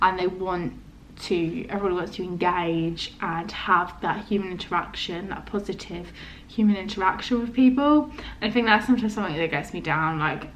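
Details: Young woman with a stammer, described as non-repetitive with prolonged words, blocks, occasional quick first-part word repetitions and body tension, reported as worse recently due to exam stress; stuttering (stammer).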